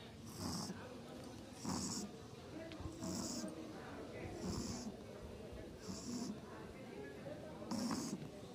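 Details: Pug dog snoring: soft, rhythmic snoring with hissing breaths about every 1.5 seconds, roughly 40 a minute, over background noise.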